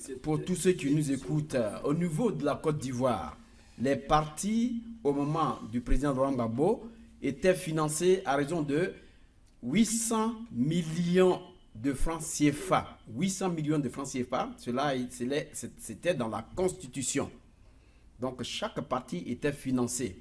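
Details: Adult male speaker; normal voice.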